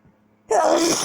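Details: Person sneezing repeatedly at night, keeping them awake: after a quiet pause, a single sudden, loud, explosive sneeze of breath and voice.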